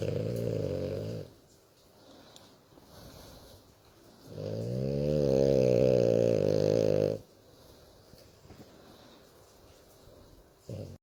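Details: Sleeping French Bulldog snoring and grunting while being stroked: long, low, rattling snores on slow breaths with quiet pauses between them; snoring.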